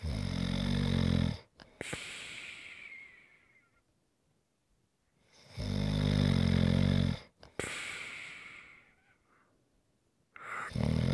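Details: ASMR snoring recording: loud rattling snores on each breath in, with quieter hissing breaths out, about two cycles in eleven seconds; snoring.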